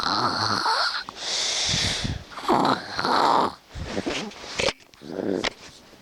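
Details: Male sleeper recorded at 8AM: loud, irregular snorting and rattling breaths with gurgling and nasal snuffles; said to be quiet compared with his even louder snoring in deep sleep 30 minutes after falling asleep.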